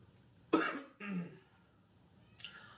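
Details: Man smoking a cigar coughs repeatedly while talking: two short, harsh coughs, the second rougher and throatier, in a quiet room; cough.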